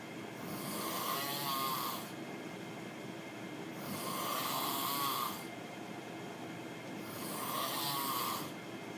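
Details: Roommate's very loud, harsh, rattling snores on each breath in, about 18 breaths a minute, quiet breathing out between them; heavy snoring.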